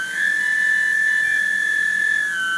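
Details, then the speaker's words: Steady high-pitched hiss and whine as a Dräger Savina mechanical ventilator's nebulizer button is pressed and the nebulizer adapter starts blowing air through the breathing circuit; ventilator nebulizer airflow. "وبتروحوا انت ضاغط هنا على النبيولايزر بصير ايش؟ طلع هذا الزر بدا يعمل هواء."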